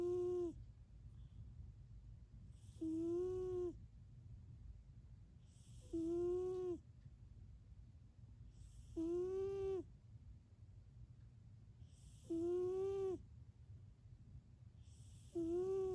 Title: Do cats snore? 🧐